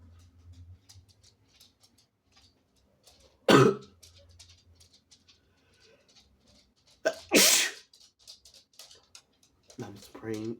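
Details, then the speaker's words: Deliberately induced sneezes from a sick person with a sensitive nose: two loud, wet, explosive sneezes spraying onto leg, arm and phone, then a short rough cough in a quiet room. "all over my leg, my arm, myself. Oh shit. I also sneezed all over my cell phone."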